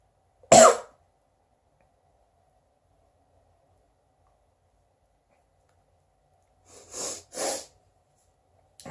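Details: A sneeze deliberately induced, with pepper on hand in case it failed: one sharp, loud explosive burst of air, then after a pause two quieter breathy puffs.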